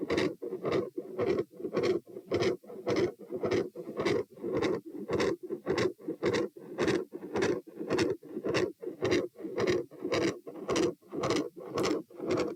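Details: Heart auscultated at position P during a stress test across sitting, standing and lying, rates 90-126-72 bpm: intermittent machinery-like murmur with loud S2.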